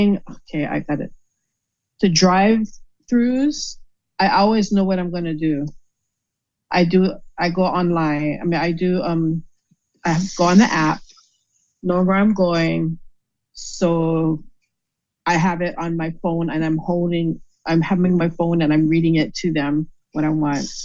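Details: Aphasia after a stroke in a woman who states she had a stroke and that it is called aphasia.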